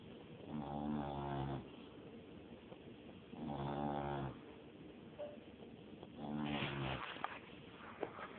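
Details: Snoring in deep sleep: three low, rumbling snores in about 8 seconds, roughly 22 breaths a minute, with quiet exhalations between them.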